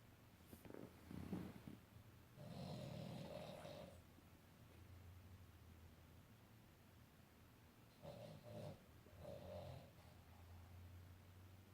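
Soft, rumbling snorts with nasal whistling on each breath, in slow repeating cycles: snoring from a small flat-faced dog.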